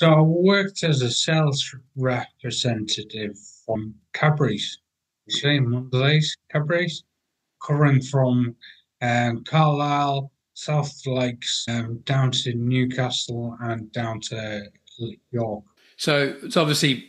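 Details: 43-year-old man with aphasia acquired after a major car accident about six and a half years earlier, with coma and 11 months in hospital; language breakdown and difficulty getting words out; aphasia.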